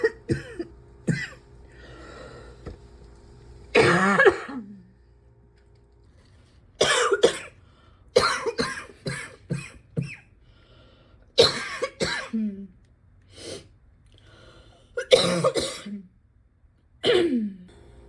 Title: #75 - can’t breathe without coughing up my lungs